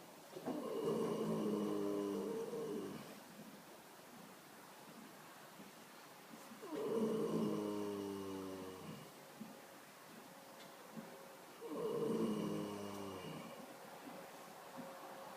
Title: snoring!